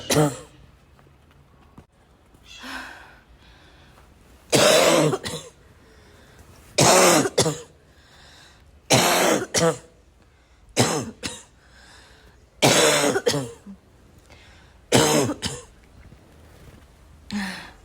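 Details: Persistent repeated coughing mixed with throat clearing and snorts, bursts roughly every two seconds with brief pauses; person says they can't stop coughing.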